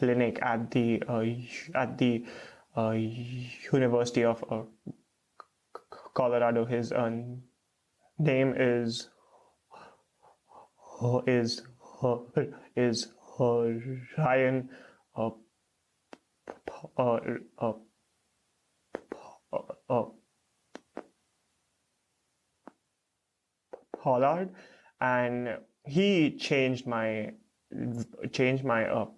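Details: Stuttering with blocks and repeated fillers in an adult man, a PhD student in speech therapy, stuttering since age 3 to 3.5; his parents are unsure whether onset was linked to a childhood fright.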